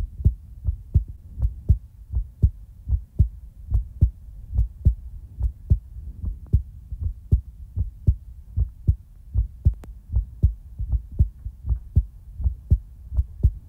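Steady, regular low thumps at about 79 beats a minute; an ordinary heartbeat.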